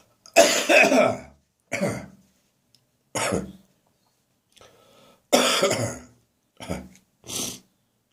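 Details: Morning dry cough with gagging in an adult whose cough has become drier and less frequent: harsh dry coughs and throat-clearing bursts in a bathroom, with strained retching between them.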